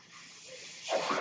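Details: Speaker's own mechanical ventilator, heard in the background while he talks on his podcast: a mechanical ventilator breath cycle.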